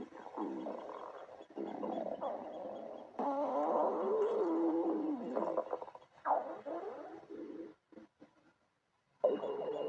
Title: stomach growling 10